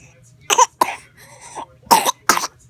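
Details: Baby girl, sick and feeling unwell, lying in her mother's lap in bed with a terrible cough: four short, harsh coughs in two pairs with a soft breathy whimper between them over a low hum; cough.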